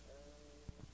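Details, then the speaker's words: Egophony: when the patient says "E" over an area of consolidated lung, as in pneumonia, it sounds like a muffled, nasal, bleating "A" through the chest wall, compared against the healthy side. "when egophony occurs if the patient says II the letter will sound like a because there is transmission of the higher frequencies or formants"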